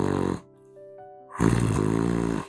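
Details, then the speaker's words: Imitated snoring from nasal obstruction: two loud, low, buzzing rattles, illustrating snoring in people with a blocked nose. "소리는 호가 막힌 사람들이 생긴 코리고 얼굴이 작은 사람들은 이렇게 기도가 막히는 소리가납니다"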